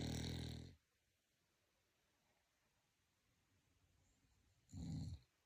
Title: Pug’s snoring is so loud.